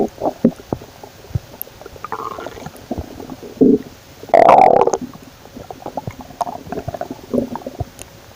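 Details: Irregular gurgles and squeaky rumbles with one louder drawn-out growl midway: stomach growling (borborygmi), gas and fluid moving through the gut.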